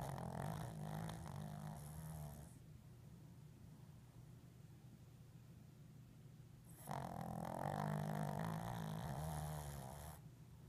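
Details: Snoring: two long, loud, rattling inhaled snores separated by a quiet pause of about four seconds.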